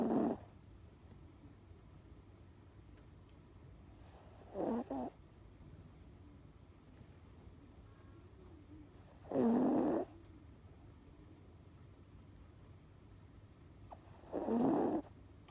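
Quiet rhythmic snoring, a rasping snore about every five seconds; ordinary sleep noise.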